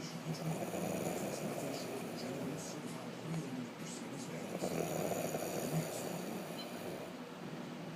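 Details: Continuous low, rough fluttering sleep breathing without clearly separated breaths; snoring.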